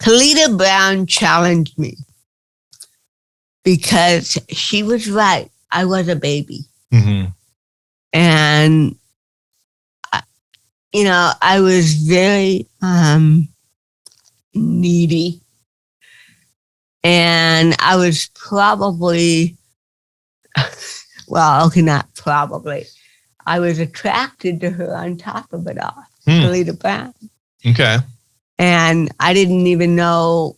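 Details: Adult woman comedian with cerebral palsy, real (not acted), retelling her first stand-up comedy routine; dysarthria due to cerebral palsy.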